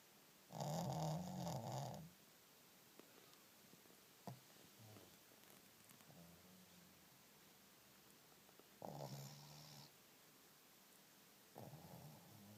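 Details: Shih tzu dog snoring loudly in sleep: two long and one short rough snore bursts with quieter breathing between, in a quiet room.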